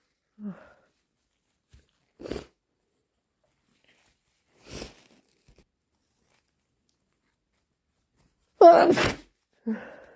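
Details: Induced hay fever sneezing: several sharp sneezes separated by quiet gaps, the last loudest, followed by a brief nasal blow; allergic sneezing.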